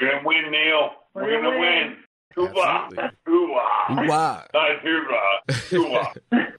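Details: Dysarthria, presumed from ALS (Lou Gehrig's disease), in an adult male Army veteran diagnosed in 2015; the speech problem is not named, and speech is largely unintelligible in transcription.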